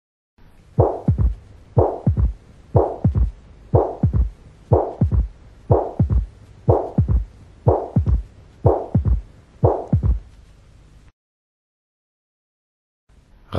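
Slowed-down heartbeat with regular low thumps, a rushing murmur in each cycle and an extra early low sound: mitral regurgitation with a third heart sound.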